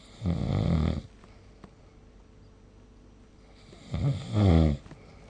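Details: Snoring during sleep, recorded with a smartphone snore-recording app.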